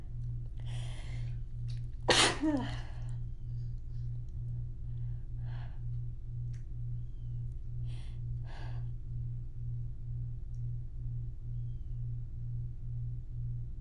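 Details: Sneezing fit in the bath, possibly with some wheezing, followed by dizziness: one loud sneeze among softer breaths over a steady low hum of running water or a fan.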